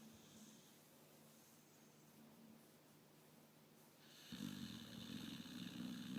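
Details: A 5-year-old pit bull sleeping in its owner's lap: soft breathing, then a sustained rough snoring rumble; snoring.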